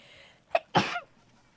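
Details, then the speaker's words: Adult sneezing during a live gaming stream: a quick sharp catch of breath, then a loud voiced burst that trails off against quiet room noise, a sneeze followed by a little cough. "i did end up doing a little bit of both princess it was a sneeze and then a little and then a cough afterward"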